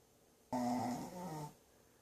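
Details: Sleeping dog in a bag, one long tonal rumbling snore lasting about a second in a quiet room; snoring.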